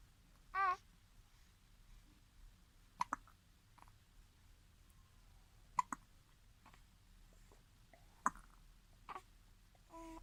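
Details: Hiccups in a baby girl, labelled day 29: a brief voiced sound, then sharp, abrupt catches repeating every few seconds, about four in ten seconds, in a quiet room.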